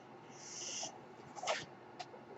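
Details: The speaker's own mechanical ventilator cycling in the background: a soft airy hiss of a delivered breath, then a sharper puff of air and a brief click.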